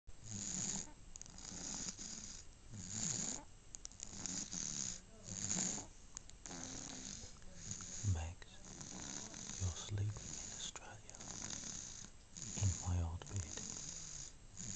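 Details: At 15 weeks, asleep sprawled across the bed: repeated rough breathing with low fluttering snores on several breaths over steady room noise; snoring during sleep.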